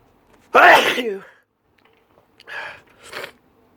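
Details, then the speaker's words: A person having an allergy sneezing fit: one loud, explosive sneeze followed by two smaller sneezes in quick succession. "Excuse me. Oh, I'm gonna sneeze again. Oh gosh."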